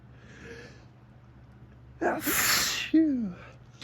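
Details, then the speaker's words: Photic sneeze reflex triggered by strong morning sunlight beaming through a window onto the face after a persistent sneezy tickle: a quiet intake of breath, then one sharp, forceful sneeze with a brief voiced tail. "So, I don't know if you guys ever heard of thic sneezing, which is usually caused looking directly at the sun, but for some reason this morning uh it's lasting a bit."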